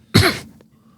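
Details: One loud, harsh cough burst with a throat-clearing quality during podcast talk, followed by quiet room noise; cough.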